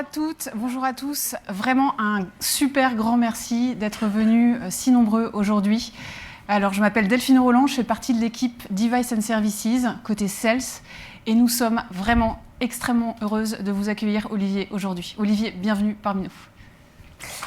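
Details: Adult woman; normal speech.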